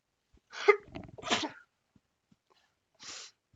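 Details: A quick run of about three sharp, explosive sneezes from an adult woman during a live show: sneezing fit.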